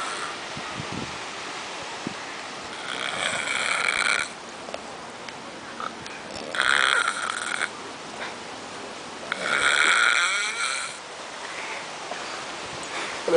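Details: Person snoring in Varadero: three raspy, hissing snores with rattling, about every three seconds, roughly 18 per minute, over a faint background hum; snoring.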